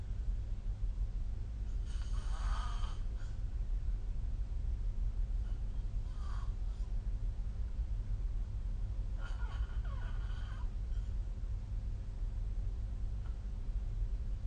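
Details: Snoring during sleep recorded with the SnoreLab phone app: three soft, rough breathing bursts over a steady low room hum.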